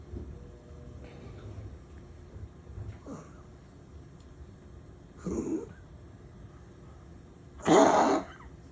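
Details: Dog described as struggling to breathe gives a few rough, airy coughing bursts, the last one loud: a wheezing cough.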